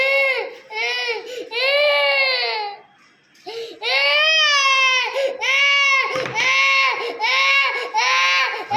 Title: CUTE BABY GIRL CRYING ll